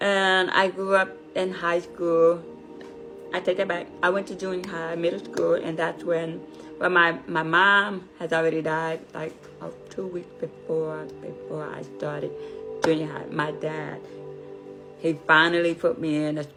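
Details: Deaf adult woman, deafness found at age five, learned to speak through speech therapy, raised without sign language; deaf speech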